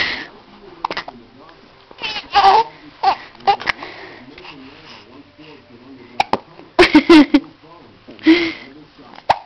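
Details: Short, sudden catching sounds in a baby's breathing mixed with babbling and soft vocal noises; hiccups.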